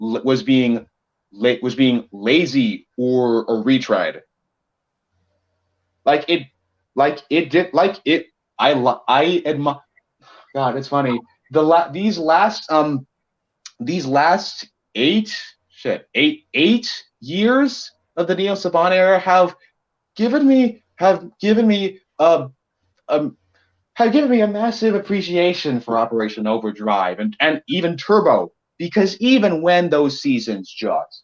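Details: Male co-host who self-reports a bit of a speech impediment of unspecified type: speech disfluency (word and phrase repetitions).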